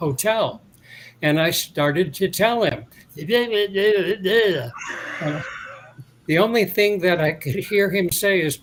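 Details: Adult man interviewed years after a 2017 stroke that caused aphasia and loss of mobility. His speech has largely recovered, but he pauses to find words, and speaking is harder when he is tired, dehydrated or agitated. Residual aphasia with word-finding pauses.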